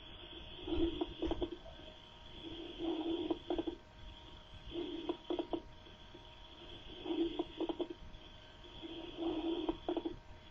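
About five breaths, roughly 28 a minute. Bursts of brief, fine crackling pops are heard during inspiration. These are fine crackles (crepitant rales), which point to small airways and air sacs popping open, as with fluid or inflammation in the lung. A steady background hum is present.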